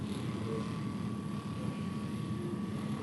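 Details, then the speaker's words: Steady low motor drone with rapid buzzing from a percussion massage gun gliding up and down a client's back muscles under its own weight, not pushed in, with the spine covered by hand. "I'm going to turn my massage gun on here, and then we're going to glide up and down the length of the muscle."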